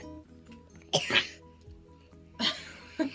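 A child's brief cough, a quick noisy burst heard over steady background music, followed by a couple of shorter noise bursts.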